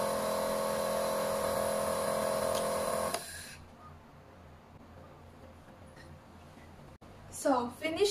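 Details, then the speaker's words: Steady humming motor of a medical nebulizer running with Cordyceps polysaccharide lysozyme solution in the cup, then stopping abruptly, leaving quiet room noise and brief rustling. "so next we're gonna press the switch button so we can start to nebulize music"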